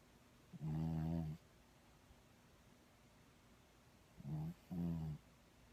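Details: Snoring during sleep: three low, buzzing, vibrating snores on breathing in, separated by quiet pauses.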